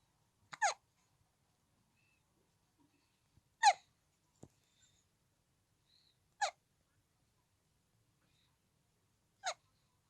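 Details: Four brief, sharp hiccups spaced about three seconds apart in a quiet room: very cute hiccups.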